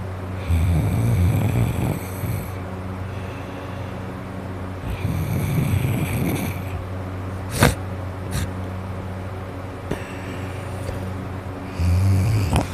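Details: Person with a cold, nose and throat very congested, asleep: loud, rough snores about every five seconds with nasal whistling on exhalation; snoring with stuffed-up nose.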